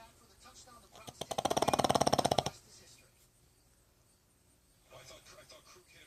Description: My pug Buddy can really saw some logs.